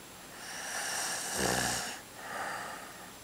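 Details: A man deliberately demonstrating a snore: a loud, rasping, fluttering breath in, then a softer breath out.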